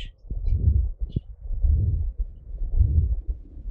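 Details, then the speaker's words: Heart murmur from ventricular septal defect in a horse, heard with a cardiac stethoscope at the site where turbulent blood flow is strongest and the murmur is loudest. "this is where the turbulence is strongest of the blood swirling around and that's really what murmurs are is that their turbulent flow of the blood"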